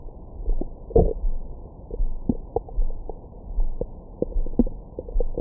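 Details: Recorded with a Stemoscope stethoscope microphone on the abdomen after a large meal: irregular low gurgles and brief squeaky pops, ordinary bowel sounds.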